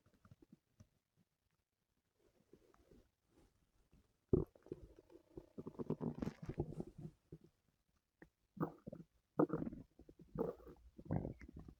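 Gurgling, rumbling stomach noises in bursts with quiet gaps between them, typical of active bowel sounds.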